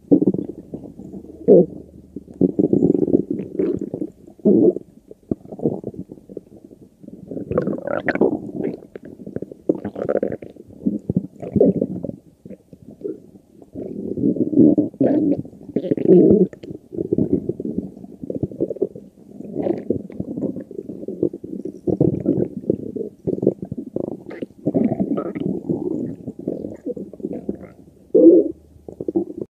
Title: Stomach Growling